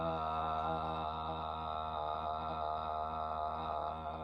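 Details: Man in a bedside swallow evaluation for acid reflux concerns sustains "ah" on his third trial for 11 seconds, below the typical 25-35 seconds for males; voice steady, and the short time was possibly due to awkwardness and giggling; sustained phonation, normal voice.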